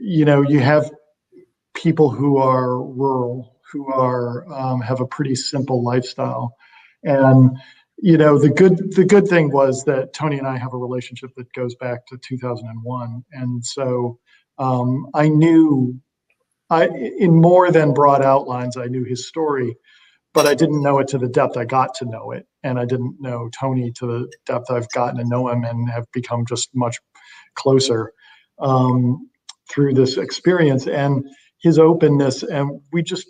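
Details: Adult man speaking; ordinary speech.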